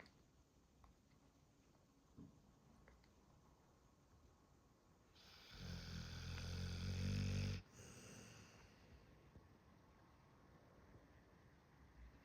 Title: Snoring sounds of a dog 🐶